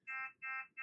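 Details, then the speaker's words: Repeating high electronic beeps, about three per second, from a Fresenius Kabi Amika ambulatory enteral feeding pump: downstream occlusion alarm (blockage between pump and feeding tube), orange light flashing. "Alarme. Occlusion en amont. Le voyant orange clignote."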